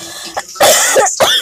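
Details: Adult with a bad coughing fit that has been getting worse: two harsh, forceful coughs in quick succession, the first longer and rougher, with a faint throat sound just before.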